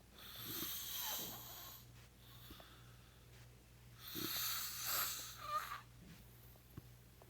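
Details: Brother snoring while asleep; he denies snoring, and is said to need a CPAP machine: two long, harsh, rattling breaths over about seven seconds, with low room hum.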